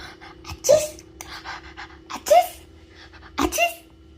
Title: របៀបកណ្ដាស់អោយមានអនាម័យ / How to Sneeze Properly for babies and Toddlers/ Inspired by my baby ❤️